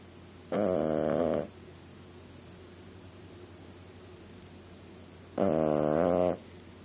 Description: My Boston Terrier puppy Fenway Punky Monkey Brewster, doing what she does best: snoring!